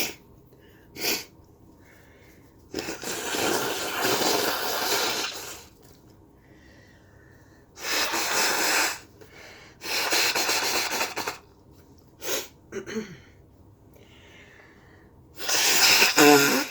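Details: An adult with a head cold and a stuffy nose: repeated wet, forceful sneezes with sniffs between them.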